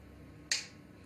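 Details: Single sharp click of a transcranial magnetic stimulation (TMS) coil pulse over quiet room noise; head held, chin rest, teeth may clench, 15-minute session, pulse felt like a small pressure blow; experimental TMS.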